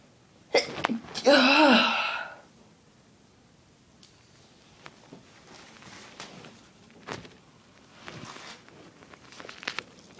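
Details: Person with a very tickly nose takes a sharp indrawn breath, then gives one loud, explosive sneeze, followed by quiet room sounds; a desperate sneeze.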